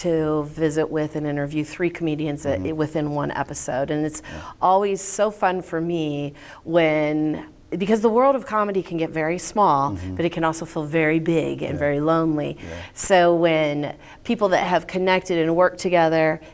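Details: Adult female speaker; normal speech.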